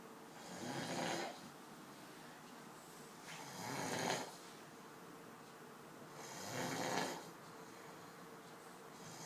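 Soft, rough, airy snores on breathing in, about three in under ten seconds, roughly 20 breaths a minute, in a quiet room.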